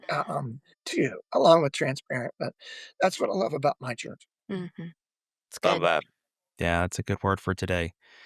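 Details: Adult male former lead vocalist who began losing his voice at the height of his career; self-reported spasmodic dysphonia, which he says is audible in his voice.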